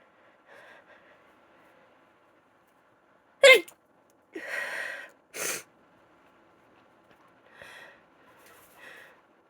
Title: Desperate congested cold sneezes #female #sneeze #cold